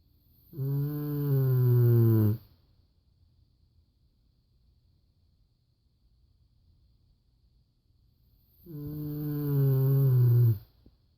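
Two long, loud, deep snores with a droning, tonal quality, separated by about six seconds of quiet.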